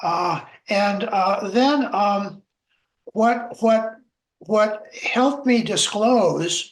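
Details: Adult man, a self-identified person who stutters, speaking in a webinar on stuttering at work; word repetitions and filler words are heard; stuttering.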